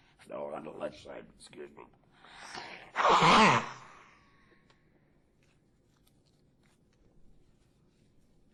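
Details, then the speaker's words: A man after total laryngectomy with right radical neck and shoulder dissection gives a breathy, airy cough forced through his neck stoma, with no voiced bark; stoma cough. "they're going to hear people coughing like that during uh the call and they they have to know what this is and what's going on"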